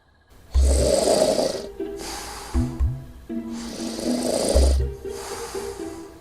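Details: Loud, deep, vibrating snores with a snorting edge alternate with softer out-breaths, about two breaths in six seconds, over background music; snoring.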